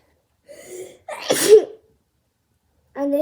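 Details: Single sharp, loud sneeze burst after a brief voiced intake, then speech resumes; a girl sneezing when a Covid-19 nasal swab test triggers it.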